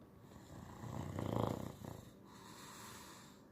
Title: English Bulldog Sir Walter Paws 🐾 Snores like a Lumberjack on the reg #shorts #trending #dogs